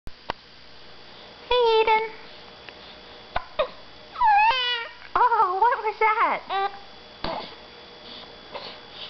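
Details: Infant boy angry about his hiccups: sharp, brief hiccup catches alternate with fussy, whiny cries and vocal protests.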